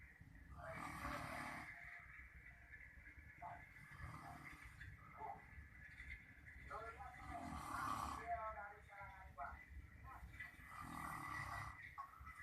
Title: lagi ngorok....